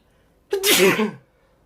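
One sneeze: a short in-breath, then a sudden loud hissing burst lasting under a second, in a quiet room.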